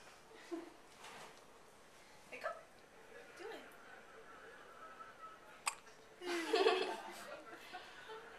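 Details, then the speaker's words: An infant girl gives a few soft, sharp hiccups, with quiet room noise and faint adult voices; ordinary infant hiccups. "morning yeah okay hi drew just in time to see your hiccups she's hiccupping come listen"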